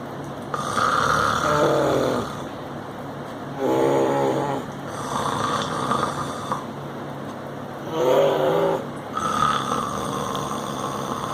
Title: 11months baby Boy 👶🏻 Imitating Dad's Snoring😤😴😴😤😴😴🤩🤩🤩😁😁